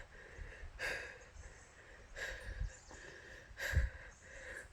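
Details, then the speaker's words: Loud, rapid, heavy breaths at about 40 a minute from a person hiking uphill at high altitude in the tropical Andes who is unused to the altitude: breathlessness from exertion. "and the altitude it's kicking my ass I am not used to the altitude I am gasping for breath"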